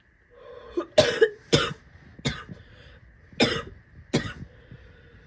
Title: coughing and spitting (f)